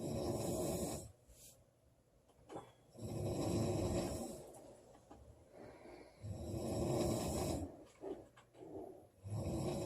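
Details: Girl snoring during sleep: loud, rough snores on each inward breath, about 18 breaths a minute, with short snorts between; heavy snoring.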